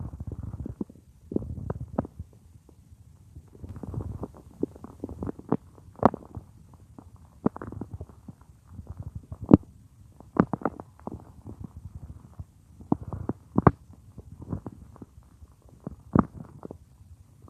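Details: Adult woman's stomach growling, heard by a listener lying on her belly while she works at a computer (roleplay): irregular gurgles, squelches and low rumbles, ordinary bowel sounds.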